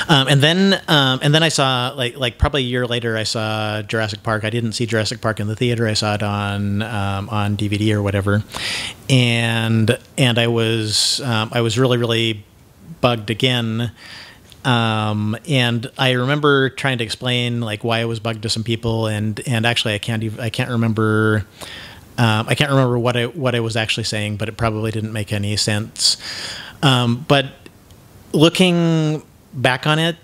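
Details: Man who identifies himself as having cluttering, with frequent word repetitions and mid-sentence self-interruptions (mazing); this stretch has repeated words and phrases and a broken-off word. Finding: cluttering.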